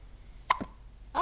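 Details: A young diaper-age girl with recurrent hiccups after breakfast: one sharp, abrupt catch of breath with a short voiced click, a single hiccup, followed by a voice.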